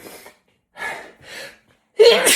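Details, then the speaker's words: Adult starting an occasional sneeze fit after getting home: a run of breathy inhaled gasps builds to a loud explosive sneeze, part of a sneezing fit. "God damn it. Oh, I sneezed. I'm not going to pee. I sneezed."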